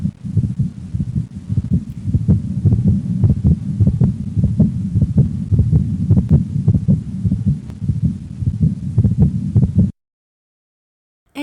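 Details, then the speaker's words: Teaching recording of systolic heart sounds: a regular heartbeat near 100 a minute with a sharp extra click just after the first heart sound, a pulmonary ejection click. "so now I'll be playing your different the different uh systolic heart sounds so normal S1 S2 sounds split first heart sound pulminary ejection click"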